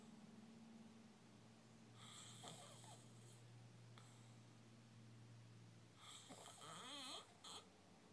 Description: Snoring in the hotel